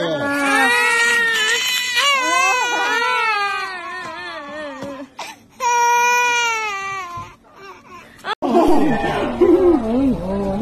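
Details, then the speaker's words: Baby crying after an injection at hospital; loud, high-pitched wailing with long breaths and brief pauses for air, a distressed pain cry. "I can see pain in the face of this little boy,he is crying so badly The fattest baby cries the most"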